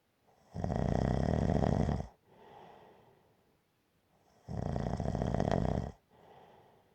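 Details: Gentle snoring: two loud, rattling snores on the in-breath, each followed by a softer out-breath, about 15 breaths a minute.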